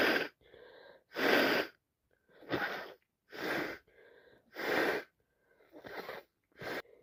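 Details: Six forceful wet sneezes, each led by a short gasping intake, in quick succession, recorded in real time during a severe head cold; repeated sneezing.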